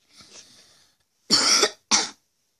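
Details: A person with a hoarse voice gives a soft breath, then two harsh, forceful coughs in quick succession, the first longer than the second: a brief coughing bout.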